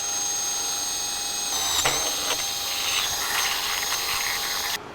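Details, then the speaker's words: Powered reamer boring the tibial tunnel, one millimetre above the 8 mm semitendinosus-gracilis graft size and protecting the MCL, during right-knee ACL reconstruction: high-pitched whine with a steady high hiss. "and then we go up one millimeter on both the tibial and the femoral tunnel while protecting our mcl we ream the"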